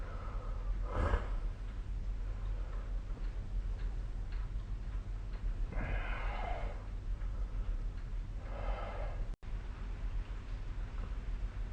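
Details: Snoring during sleep recorded with the SnoreLab app, three rough, noisy, snorting breaths above a steady low room hum.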